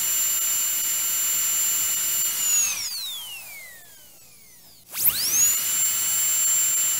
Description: Sound effects of a dentist drill.